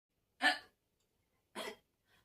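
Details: Two short, abrupt hiccups about a second apart with a faint third sound at the end.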